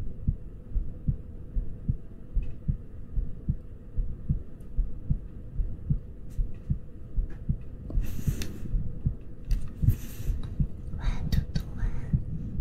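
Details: ASMR recording of a baby rabbit with ear touching and ear picking: soft, regular low thumps at about 75 a minute over a steady hum and rustling handling noise, a heartbeat.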